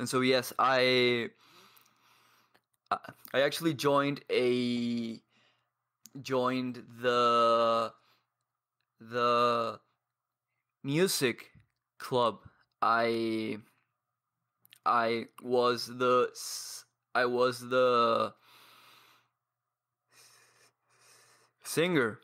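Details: 22-year-old man who has stuttered for as long as he can remember; speech with blocks and long pauses between words; stuttering.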